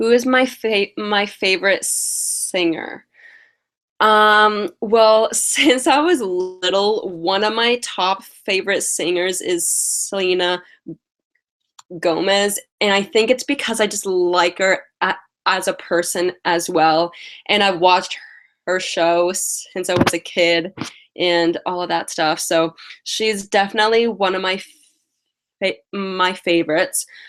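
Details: Adult woman with lifelong stuttering, past speech therapy, mostly blocks, especially on vowel-initial words and on 't' and 'c' words; has a cold and is tired; stuttering.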